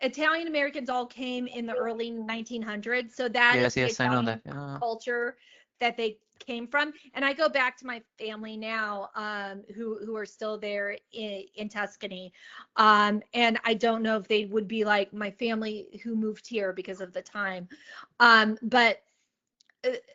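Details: Stuttering in an adult woman, onset at age eight, the same year dyslexia was diagnosed; speech therapy since age two for an auditory processing issue.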